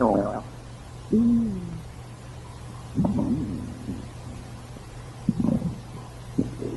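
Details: Stomach growling: intermittent low gurgles and squeaky rumbles over a steady hum; ordinary gut sounds (borborygmi).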